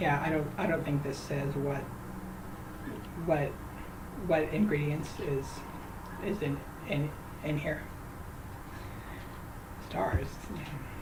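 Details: Adult who says they stutter, particularly on certain names; trying to say a name; stuttering.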